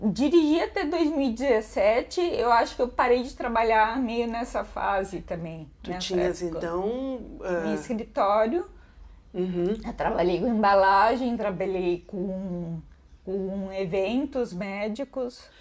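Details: 51-year-old woman with hereditary autosomal dominant ataxia (Machado-Joseph type) affecting the cerebellum, symptoms from age 38, diagnosed at 40, with gait and speech affected; ataxic dysarthria.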